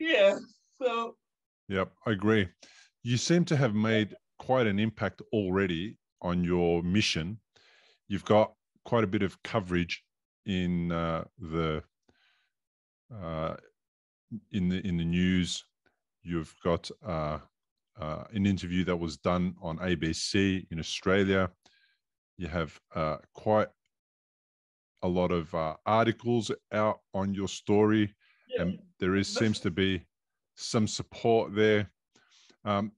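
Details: Adult male speaker; normal speech.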